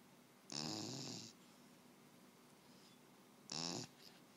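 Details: Sleeping beagle snoring: two loud, rattling snores with a hissy edge in a quiet room.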